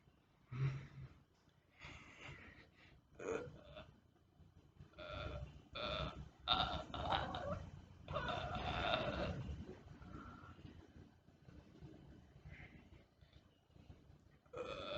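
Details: Simulated burping, actually zombie-like noises made under a blanket by someone who says they cannot burp on command: a series of long, low, voiced belch-like sounds with short pauses between them.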